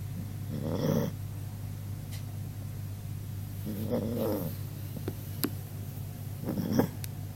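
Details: A 16-year-old elderly dog snoring in sleep: three rhythmic rasping snores about every three seconds over a steady low hum, about as loud as a person's snoring.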